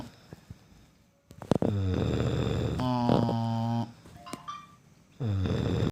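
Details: Snoring during sleep: loud, low, rattling snores on the in-breath, with quieter pauses between them.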